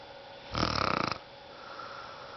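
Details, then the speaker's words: Adult woman asleep, drifting off after briefly waking, gives one loud, rattling snore with rapid fluttering vibration lasting about half a second, then quiet breathing: snoring. "you drift off to sleep you snore up a storm again and now you're awake again"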